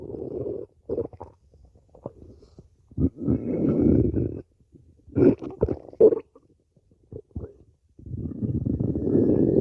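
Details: Over five minutes of continuous stomach growling. Stomach growling (borborygmi).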